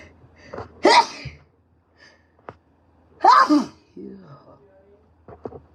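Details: Congested, sick person: two sharp, explosive sneezes, each preceded by a brief inhaled build-up, with quiet breathing and small sounds between them; sneezing.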